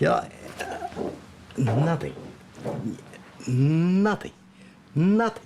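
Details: Male stroke survivor with aphasia after his stroke, at first unable to speak and then very limited in words; non-fluent aphasia.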